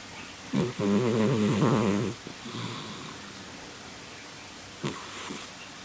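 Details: Sleeping female cat snoring very heavily: a loud, buzzing, fluttering inhaled snore followed by quieter rough breaths and a short snort.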